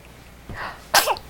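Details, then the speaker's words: Young girl who has the hiccups: a quick breath in, then one sharp explosive burst; a single sneeze. "you okay bless you"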